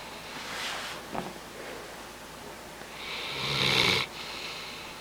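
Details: A bloodhound snoring during his nap: soft, airy breaths, then one louder rasping, hissing snore near the end.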